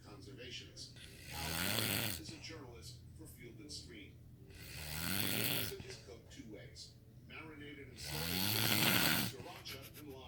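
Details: Wife asleep, snoring: loud rattling snores on each in-breath, about 17 breaths a minute, with quieter breathing between.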